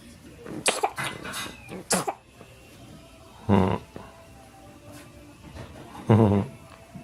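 Two short, low, harsh cough-like bursts a few seconds apart, with faint sharper sounds before them and low background noise: coughing.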